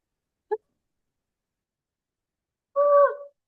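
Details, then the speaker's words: Paediatric respiratory teaching session; presenter vocally imitates inspiratory stridor, a brief click then a harsh, high-pitched crowing sound drawn in on a breath. ">> Yeah, it's inspiratory. So, it's this it's this noise. It's this noise, isn't it?"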